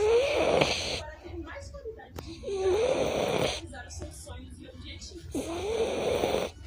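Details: French Bulldog snoring: three loud, rattling snores with a nasal, whistling tone and quieter snuffling between them, typical of a flat-faced dog sleeping.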